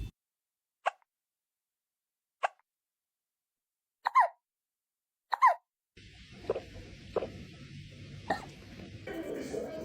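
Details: Hiccups in a cat, possibly after eating its food too fast: four short, sharp hiccup sounds about a second and a half apart in a quiet room, then fainter ones under background noise and music.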